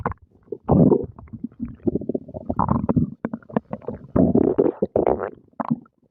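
Bursts of low gurgling and rumbling with irregular pops and squelches, broken by short pauses; ordinary active bowel sounds after a meal.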